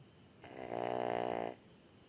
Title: Dog snoring 😴 #viral #shorts